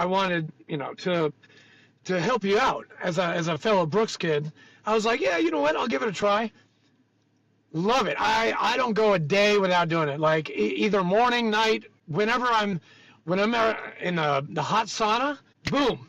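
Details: Adult male speaker; Normal conversational speech.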